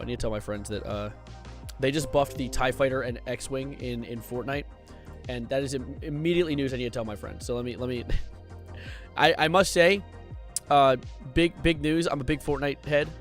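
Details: Stuttering in a male streamer who describes his stutter as severe, saying he stutters more than he speaks; word and part-word repetitions heard.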